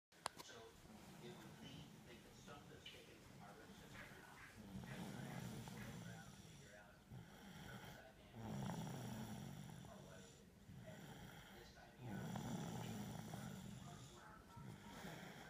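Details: Tired sleeping pet dog snoring: soft, low, rumbling snores about every three to four seconds, with faint room noise.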